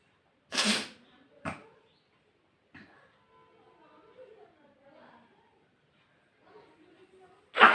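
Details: A sharp, explosive sneeze, a few softer nasal bursts and faint sniffing, then another sneeze starting at the end, recorded during a nose-blowing and sneezing video; ordinary sneezing.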